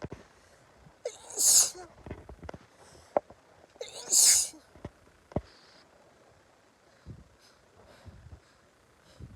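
Two sharp, hissy sneezes about three seconds apart, with faint sniffs and snuffling between them in a quiet setting.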